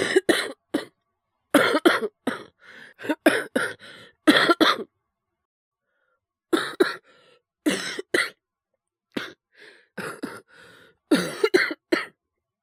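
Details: Young Japanese male with influenza, streaming while sick: repeated bouts of short, forceful coughs in clusters.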